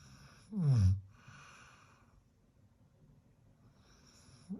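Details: European Doberman puppy gives one loud, deep, groaning snore-like breath, then quiet breathing; snoring.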